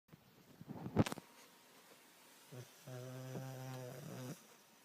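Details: A sleeping Border Collie snoring: a rough bump and some rustling, then one steady droning snore with a buzzing quality.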